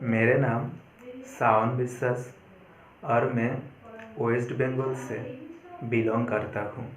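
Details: 28-year-old man who has stammered for about 22 years, since around 4th standard, speaking Hindi, not his mother tongue, after 25 days of fluency training; reports about 90% improvement with residual repetitions; stuttering.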